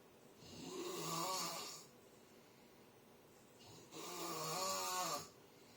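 Two long, rattling inhaled snores with a pause between them, typical of snoring during sleep.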